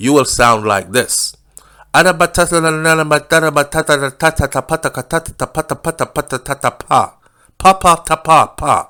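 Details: Man acting out one type of aphasia in which the person understands others but their replies make no sense to listeners while they believe they speak clearly; he loosely attributes it to Broca's/Wernicke's aphasia; fluent jargon aphasia (imitated).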